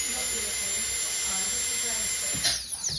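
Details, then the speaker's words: Air turbine dental handpiece, driven by compressed air and smaller than an electric handpiece: a steady high-pitched sharp whine that winds down at the end. "in the past we ED air turbine hand pieces which look like this they're smaller than the electric it uses air compressed air to spin the drill and it sounds like"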